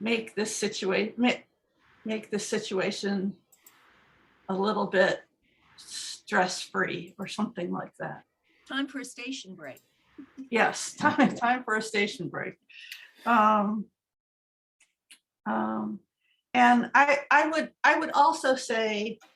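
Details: Male stroke survivor with aphasia from a stroke 2 years earlier, nearly wordless right after the stroke and improved with hard work, doing a picture description; aphasia with word-finding difficulty.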